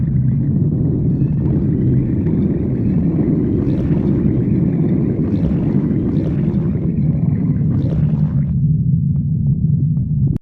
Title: stomach growling 2